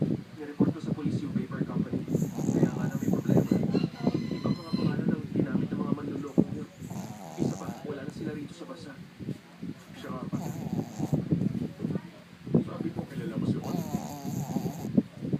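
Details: Small pug snoring loudly: rattling, snorting snores with brief pauses between breaths.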